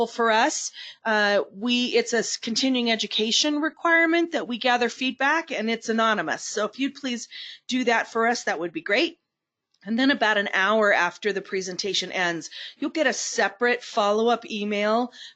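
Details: Adult woman; Normal speech.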